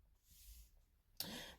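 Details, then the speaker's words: Adult woman recovering from Covid, with other ongoing illnesses, apologizing for her cough and voice: a soft breath followed by a single sudden, harsh cough burst in a quiet room. "Je suis vraiment désolée de ma toux, de ma voix. J'ai essayé de prendre mon temps avant de faire une vidéo, mais ça prend trop de temps."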